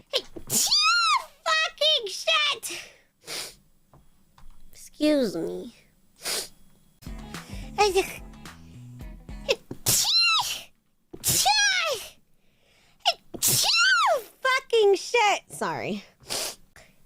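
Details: Several people sneezing during live streams: a run of separate sharp sneezes with brief talk, throat clearing, snorts and music between them; ordinary sneezing.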